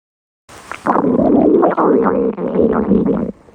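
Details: Red panda's stomach growl: loud, drawn-out gurgling rumble of about three seconds with bubbling pitch changes, bowel sounds.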